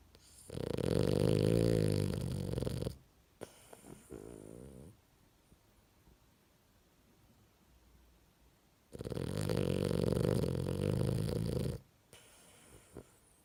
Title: Snore like Madox 🐶😛